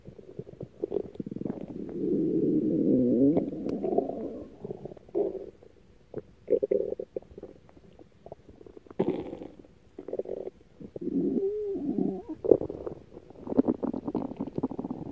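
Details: Aggro's stomach growling: long, bubbling, gurgling growls with squeaky rumbles between; borborygmi from gas and fluid moving through the gut.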